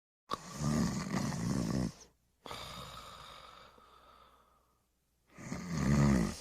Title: The Pink Panther Snoring and Smacking his Lips